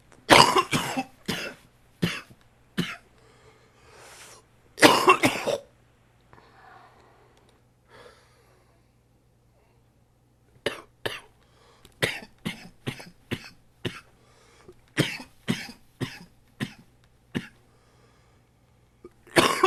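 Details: Repeated bouts of harsh adult coughing, about twenty coughs in clusters, from a cold that has settled in the chest.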